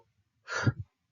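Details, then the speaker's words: Imitated deep, noisy inspiration followed by a quick forceful exhalation, demonstrated in a vital-signs class: Kussmaul breathing, deep labored respiration. "O sea que cuando el paciente inspira inspira de forma profunda y haciendo ruido de esta forma eso es la respiración de cusma"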